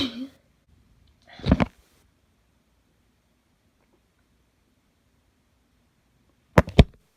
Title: wet sneeze attack